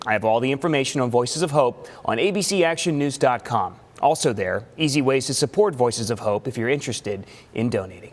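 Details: Adult male reporter; typical speech.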